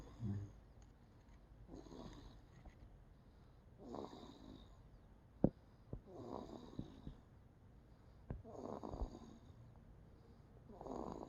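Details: Infant snoring: soft rattling snores with each breath, about 27 breaths a minute, steady and even.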